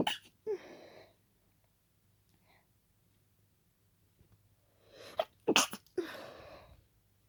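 Several forceful, partly stifled sneezes, each with a sharp burst and breathy tail, fitting repeated sneezing from dust or pollen irritation.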